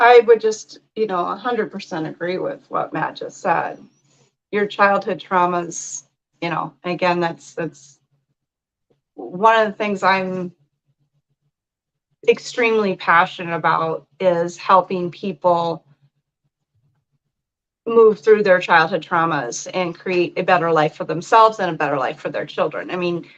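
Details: Adult speaker; normal speech.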